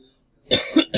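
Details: Adult coughing after water went down the wrong pipe: a short silence, then a couple of quick, harsh cough bursts.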